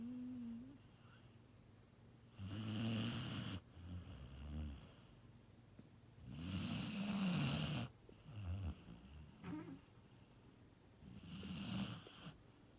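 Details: Sleeping shelter dog napping: three rough, fluttering snores on inward breaths, about 14 breaths a minute, with quiet pauses between; snoring.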